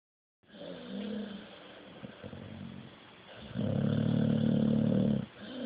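Low, rumbling, rattling breath noise in long sleep breaths, the last one loudest; snoring in a sleeping puppy.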